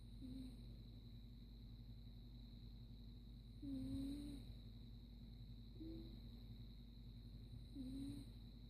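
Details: Sleeping pet cat snoring: faint, soft, squeaky snores about every two seconds over a steady room hum.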